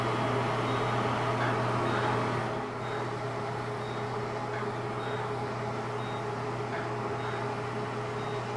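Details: Fractional CO2 laser (dot therapy) resurfacing of an adult woman's neck, patient reporting it hurts: steady machine hum with faint, regularly repeating soft beeps as the laser fires in a grid pattern.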